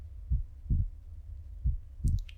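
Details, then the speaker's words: Acted ASMR check-up, stethoscope under the shirt with deep breaths: two slow lub-dub heartbeats, about 45 a minute, with steady low hum; normal heart sounds. "And I will just take a few listens again. Okay, great. So now we're done that part and there was nothing to worry about. It's totally normal."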